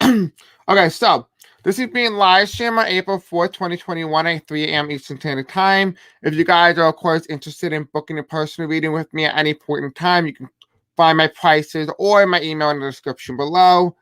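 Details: Male speaker who reports having a deaf accent and difficulty pronouncing certain words: deaf speech.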